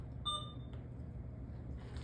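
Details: A single short electronic beep from a PCA infusion pump keypad over low room hum, confirming a button press while the channel is turned off to discontinue the order in a demonstration.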